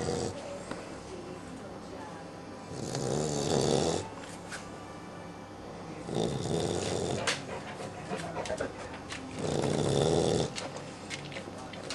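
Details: 12-week-old sleeping puppy: three long, rough inspiratory snores about four seconds apart, roughly 15 breaths a minute, over faint room noise; snoring.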